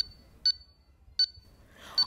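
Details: Pulse oximeter pulse beeps with the sensor on a finger, during a preventive maintenance check of the oximeter's readings and sensor cable.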